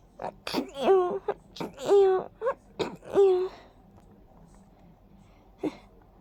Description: I'm so sneezy today! The pollen really tickles my nose all over... like tiny sparkles of tickly powder.